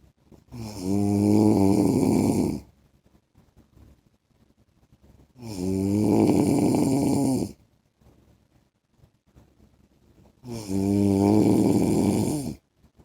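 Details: Husband snoring during sleep: three loud, rattling snores about every five seconds, roughly 12 a minute, with silence between.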